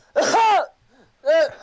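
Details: Two abrupt, voiced throat-clearing bursts with a brief pause, a simple vocal tic in a 17-year-old boy with Tourette syndrome who raps.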